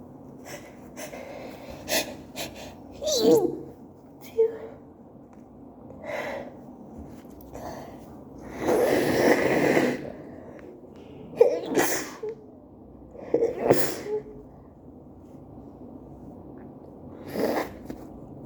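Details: Person still sick having a sneeze attack: a run of repeated sneezes with sharp bursts and gasping breaths between, quiet room. Sneezing fit.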